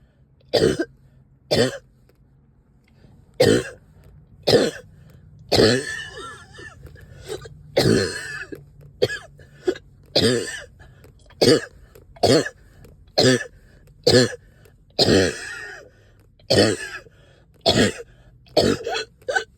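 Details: Productive cough, up coughing all night with stubborn sticky phlegm, heavy chest and headache: about twenty harsh, wet cough bursts in quick succession, some with throat clearing.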